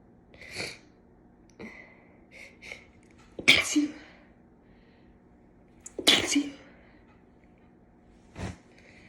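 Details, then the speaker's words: Cat-allergy sneezing with a clogged left nostril, induced by tickling with a cat whisker: sniffs and catching breaths build to two forceful sneezes, then a shorter one; cat bells nearby. "And so now I'm just clearing it out by inducing with a cat whisker that I found on my bed from my lovely cat."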